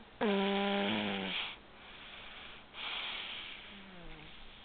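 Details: A loud, vibrating snore with a buzzing tone on the in-breath, followed by a softer breath and a fading tone: snoring.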